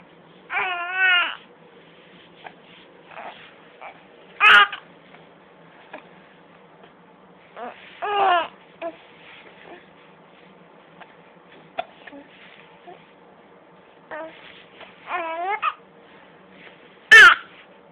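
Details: Infant playing with a toy octopus while having hiccups: brief fussy cries and babbling separated by quiet, with a few sharp catching hiccup sounds.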